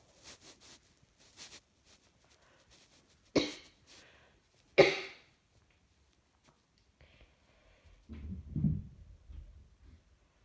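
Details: Coughing while trying to work, feeling rather hot: two sharp, harsh cough bursts among quiet breathing and faint room sounds, with a low murmur near the end.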